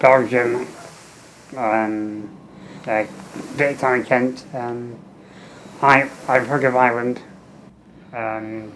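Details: Adult man with muscular dystrophy and low lung capacity, tracheostomy 15 years, ventilator, fenestrated tube with speaking valve, air leak around trachea; speech in spurts per ventilator breath with breaks; speech with tracheostomy and ventilator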